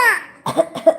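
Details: About 2-year-old boy gives two short, voiced cough-like bursts, imitating a cough on request before being given cough syrup: voluntary cough.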